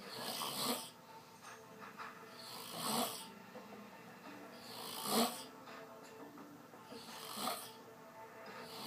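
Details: Soft, rhythmic snoring breaths at about 27 a minute, each a gentle noisy rasp, recorded on 12-26-13 in a quiet room: snoring.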